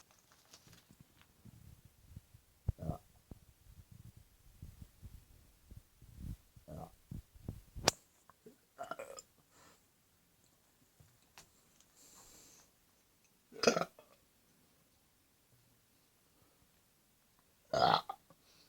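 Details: A few loud, deep burps at irregular intervals between softer gulping noises, in a quiet room.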